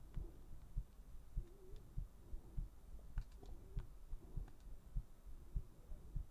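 Steady, regular low thumping heartbeat at about 100 beats a minute.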